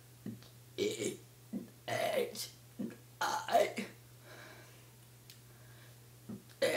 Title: Me burping the ABC's